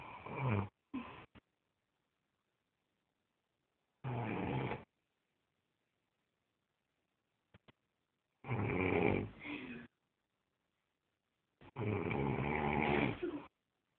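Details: Adult father snoring very loudly in sleep: loud, rough snores in irregular bursts with silent gaps, roughly four to five breaths in fourteen seconds.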